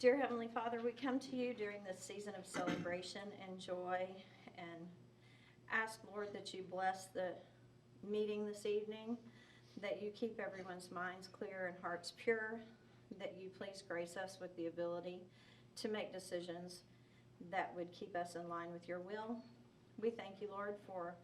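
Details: Adult woman; normal voice.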